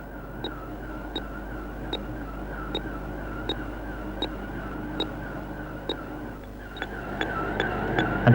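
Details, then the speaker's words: Steady heart monitor beeps at about 75 a minute: a slow resting heart rate from a woman sitting still, compared with a man running on a treadmill at 10 km/h. "Listen to her heart. Still slow at the top."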